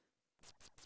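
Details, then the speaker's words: Mouse cardiac ultrasound on a Prospect T1: pulsed-wave Doppler with sample volume in the pulmonary artery, giving rapid, evenly spaced whooshing pulses of normal clean laminar flow. "we can then move into pulse wave doppler mode where we're both able to see and hear the doppler signal coming through the pulmonary artery"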